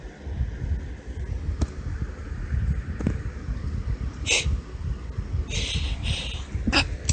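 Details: Deliberately performed girly sneezes from a female: a few high-pitched sneezes, some with short hitching catch breaths before them, against steady low room rumble.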